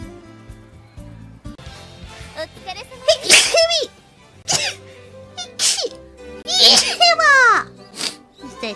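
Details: Several sharp, explosive repeated sneezes with breathy intakes between them, over background music, during a VTuber stream with hiccups. Sneezing.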